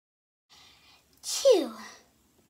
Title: How women and men sneeze 🤧